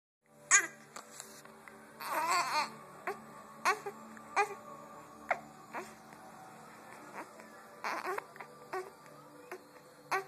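Short, abrupt voiced gulps repeating roughly every second, mixed with soft babbling; hiccups.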